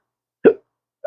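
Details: Man with chronic, intractable hiccups unresponsive to known treatments, speaking about losing his acting and surgical tech careers: a single abrupt voiced hiccup, then the start of another.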